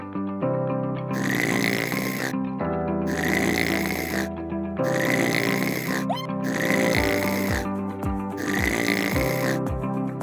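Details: Rough, rattling snores recur with each breath, about 34 a minute, over background music; snoring.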